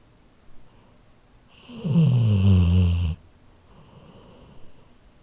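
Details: Labrador dog snoring in sleep, recorded on a Zoom H4n handheld recorder: one loud, low rattling snore on an in-breath, followed by quiet breathing; ordinary snoring.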